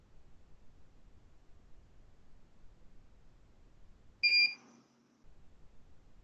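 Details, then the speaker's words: Dental curing light during a Class IV anterior-tooth restoration demonstration, tip held nearly in contact and perpendicular, on the palatal face: a single short high-pitched beep marking the 20-second light-curing cycle in a quiet room. "Pronto. 20 segundos de fotopolimerização."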